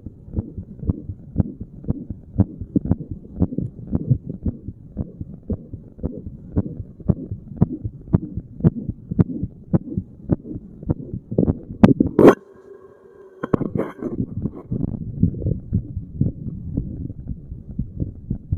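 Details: Normal resting heart sounds of a seated person, chest spot chosen at random: steady, regular heartbeat at about 84 beats a minute, with brief handling noise partway through.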